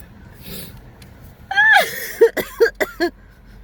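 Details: Gasping build-up then a sharp sneeze with short after-sounds from a girl, triggered by a nasal swab during Covid-19 testing.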